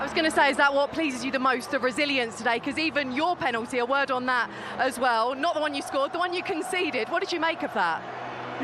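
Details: Adult woman speaking; normal speech.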